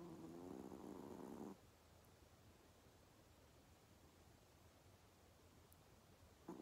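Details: Sleeping Pomeranian dog: one faint, fluttering nasal snore, then quiet breathing under room hiss; snoring.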